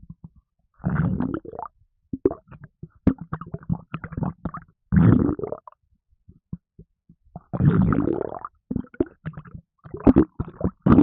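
Bursts of low gurgling, bubbling and sloshing from the belly with silent gaps, ordinary stomach rumbling after drinking.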